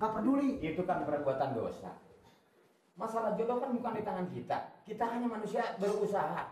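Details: Adult actor; Typical speech.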